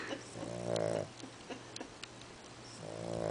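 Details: Two soft, buzzing snorts with faint snuffles between from a sleeping fat dog; dog snoring.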